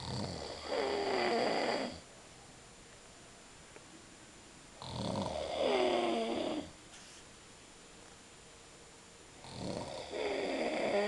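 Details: Loud, rough snores from an adult man (a father) asleep, one on each in-breath, about 13 a minute, with quiet pauses between; ordinary snoring.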